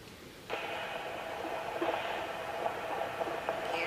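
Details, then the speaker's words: Fetal heartbeat on Doppler placed over the baby's back with cold gel during Leopold's maneuver examination: steady whooshing hiss with soft rapid pulsing. "the baby's heartbeat it's a once you get the heartbeat on the monitor certainly you can look and see what it says but it's also nice to count it"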